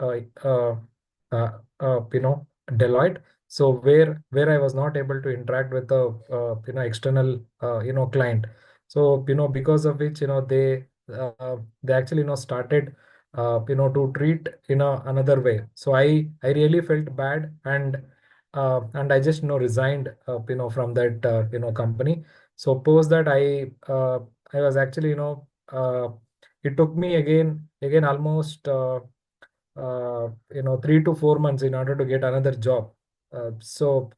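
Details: Participant who stammers, speaking in a Hindi-language stammering support session; real stuttering.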